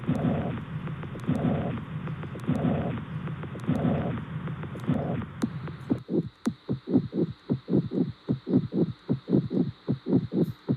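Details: Heart sounds through a stethoscope: rhythmic beats, first with a continuous rushing noise, then as crisp repeated beats.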